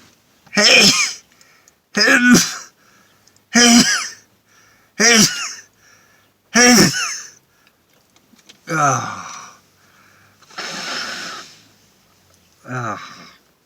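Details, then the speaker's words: Adult, already sneezing, sneezing after deliberately putting pepper up the nose, using a towel: a run of eight loud, explosive sneezes about every one to two seconds. "I'm sneezing enough anyways without putting pepper up my nose but I will Oh Oh God oh I have to sneeze"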